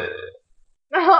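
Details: A sister's short, low, buzzing burp fades out, followed after a pause by a brief voiced sound; burp (eructation).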